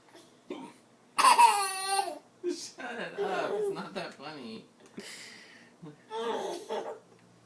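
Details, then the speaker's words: Adult man with hiccups while feeding a young child yogurt: short, abrupt voiced gulps recur between the child's giggles and brief vocal sounds; hiccups. "funny he's like my mouth was full that's what you get stop making fun of me he's laughing at daddy's hiccups"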